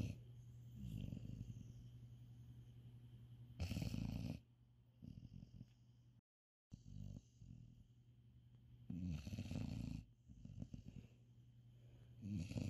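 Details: Low, rumbling, snorting breaths come in uneven bursts over room noise; a cat sleeping in bed after a busy first day of Eid al-Adha, snoring.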